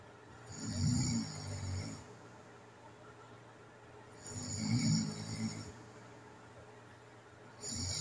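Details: Home recording of an adult with sleep apnea: low, rumbling, rattling, fluttering snores about every four seconds separated by quiet breathing; ongoing snoring during sleep.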